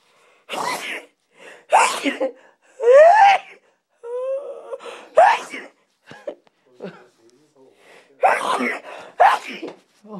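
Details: Several loud sneeze bursts from more than one person, with gasping intakes and vocal cries between them; repeated sneezing.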